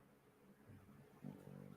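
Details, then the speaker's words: A sleeping dog snoring loudly: a low, rumbling, fluttering noise that builds and grows louder toward the end. "I don't know if y'all can hear that but that's a dog snore not she's loud"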